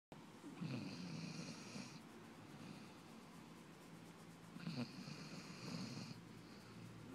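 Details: Sleeping puppy during a 10am nap, with soft, whistling snores and a faint squeak, two breaths over several seconds against steady room hum; snoring.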